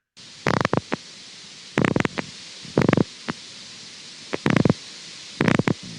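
Grouped bursts of rapid crackling pops recurring at somewhat irregular intervals over steady hiss: a myokymic discharge on needle EMG.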